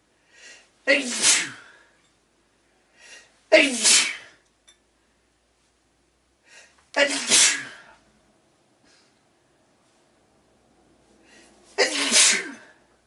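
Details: Four forceful sneezes, each preceded by a short in-breath, in a quiet room; the sneezer then needs to blow their nose.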